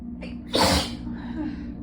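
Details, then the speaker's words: Congested adult, suspected pollen allergy, chilled and sneezing repeatedly, around the sixth sneeze, feeling lightheaded: a quick indrawn breath then one explosive sneeze through nose and mouth, steady room hum behind. "It's not gonna stop until I warm up. But I'm getting kind of lightheaded."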